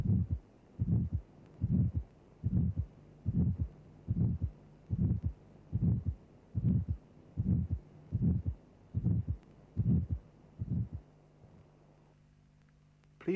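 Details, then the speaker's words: Simulated auscultation teaching recording: a regular heartbeat near 73 a minute with a triangular crescendo-decrescendo ejection systolic murmur of aortic stenosis before the second sound, the murmur turned down then restored to reveal the second sound. "the murmur has a triangular sound envelope increasing to a peak intensity then decreasing rapidly"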